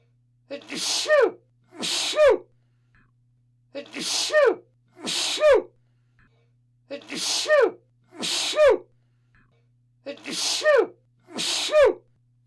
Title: Sound of Sneezing/ Zvuk kijanja